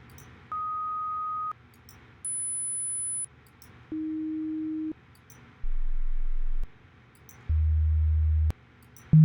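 A series of pure steady beeps, each about a second long, at changing pitches from high to very low, over faint room noise: hearing test tones.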